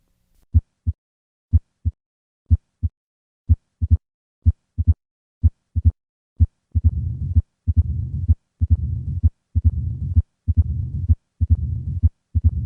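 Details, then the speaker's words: Heart sounds at about 60 a minute: three normal beats, then an added opening snap, the diastolic murmur of mitral stenosis and the murmur of mitral regurgitation, demonstrating combined mitral stenosis and regurgitation. "listen to the combined murmurs of mitral stenosis and regurgitation i will start with three normal beats and then add the opening snap then the murmur of mitral stenosis and finally the murmur of mitral regurgitation"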